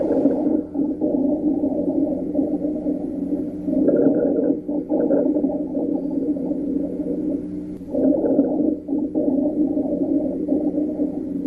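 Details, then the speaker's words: Low-pitched continuous rhonchi, snoring or moaning sounds through the breath cycles, dominant frequency about 200 Hz or less, attributed to rupture of fluid films and airway wall vibration; may clear with cough or suctioning in intubated patients. "ronai are low pitched continuous sounds with a dominant frequency of approximately 200 HZ or less these sounds are likely to originate from Rapture of food films and the airway wall vibrations"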